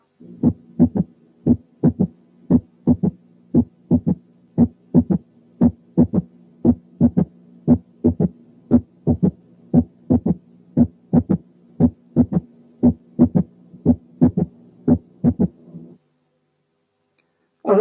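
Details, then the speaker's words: Third heart sound (S3) without tachycardia: regular heartbeat near 60/min with a soft, low thud early after the second sound; quiz case from an auscultation teaching recording. "رقم 4 كان third heart sound من غير tachycardia."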